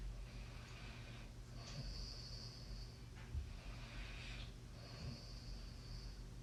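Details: Soft, low rumbling breaths with faint whistling, roughly every three seconds, over a steady background hum; snoring during sleep.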